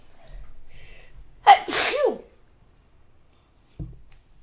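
A quick intake of breath followed by one explosive sneeze, then quiet.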